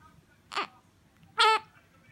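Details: Infant crying on waking: two brief, tonal wails with quiet between them, an ordinary short cry.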